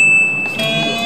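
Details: Simulated training on a BeXen Reanibex 700 defibrillator with a ventricular fibrillation patient simulator: a steady high tone as it charges, joined by a second lower tone, before a 100-joule biphasic shock.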